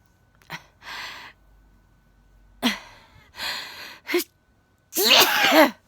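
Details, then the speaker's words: Person senses a sneeze coming on, then sneezes with lots of spit; it is their second sneeze that day. "i can feel the sneeze coming on i'm not ready not sorry i'm going to sneeze"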